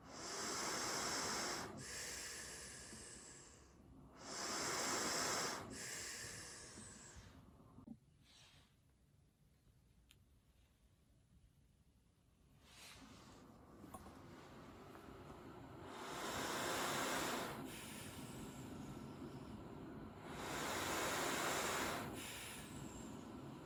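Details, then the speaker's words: Travel CPAP machine recorded with a sensitive microphone held right up to it, in a comparison of travel CPAP noise: cyclic airflow hiss rising and falling about 15 times a minute with breathing. "I'm going to put it right up to the machine, record a little bit of the noise from each machine, so you can get a bit of a profile on the noise the different machines make."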